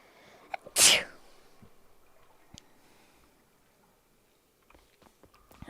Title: BLESSED SNEEZE #2